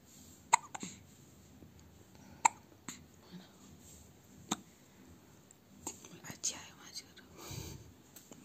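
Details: Hiccups in a one-week-old baby: soft, sharp hiccups recurring at irregular intervals, roughly 30 a minute, over faint background talk.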